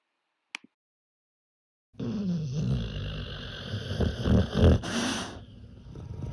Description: Miss Piggy spends a lot of time Sleeping AND Snoring! Here are a few clips of Miss Piggy sleeping....